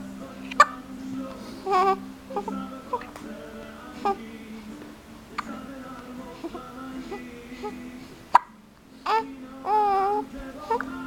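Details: Hiccups in a young child: sharp hiccups recurring about six times in eleven seconds between babbling, with background music.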